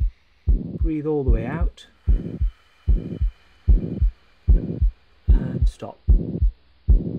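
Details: Regular heartbeat at about 75 a minute with a blowing murmur filling systole: a pansystolic murmur of mitral regurgitation on stethoscope auscultation, with the patient rolled onto the left side.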